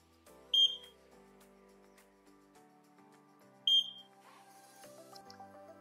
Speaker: As you can hear, a beeping alarm has been activated to signify that no power is being supplied to the oxygen concentrator.